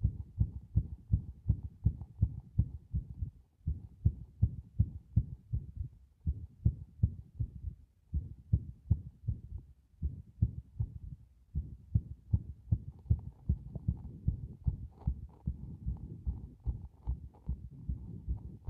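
Rapid heartbeats with uneven spacing and changing strength, with brief pauses and clustered beats, fitting a frequently irregular rhythm.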